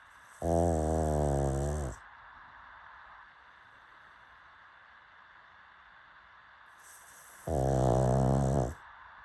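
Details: Two long, buzzing, rattly snores about seven seconds apart over room hum in a pug (flat-faced dog): loud snoring.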